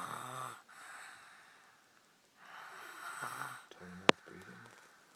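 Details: Two buzzing, wheezy snoring breaths during normal sleep with the head cocked up, a short snort and a sharp click near the end, quiet between breaths; snoring.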